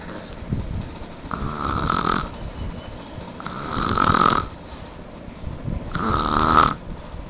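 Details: Loud, harsh snoring likened to a lion's: a snore on each breath about every two to three seconds, with a rattling, whistling edge.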